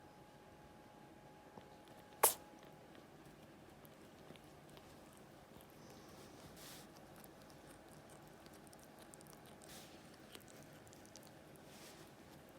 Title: Cute kitten sneezing!